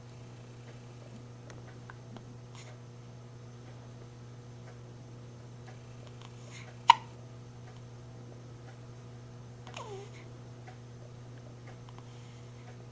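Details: Infant hiccups at night: a quiet room with a steady hum, one sharp, brief hiccup, then a faint soft sound later.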